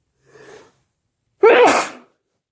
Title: more wet sneezes